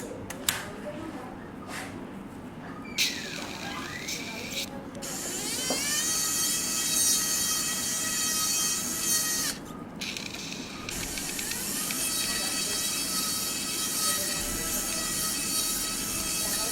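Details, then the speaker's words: Otologic surgical drill during right transcanal tympanoplasty with total flap removal and canalplasty for a near-total double perforation, with heavy bleeding: high-pitched whirring as the bony canal wall is drilled, starting, stopping and changing pitch. "Donnez-moi la fraise, s'il vous plaît. I will drill out a little bit the bony canal wall here."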